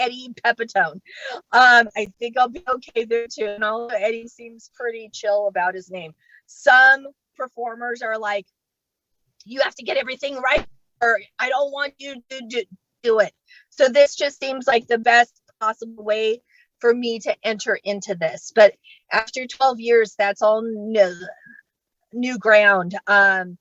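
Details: Adult woman who states she has genuine, unfaked stuttering, speaking during a comedy set at StutterFest 2022; stuttering.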